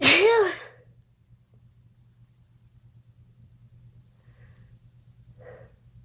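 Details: One sharp, loud sneeze at the start, followed by near silence with a faint low hum: a single sneeze.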